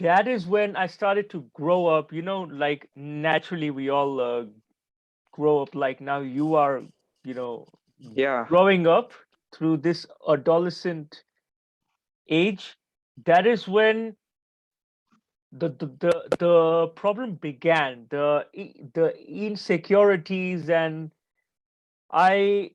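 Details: Adult man who stutters and stammers, still stammering and having a few blocks during this conversation; stuttering (stammering).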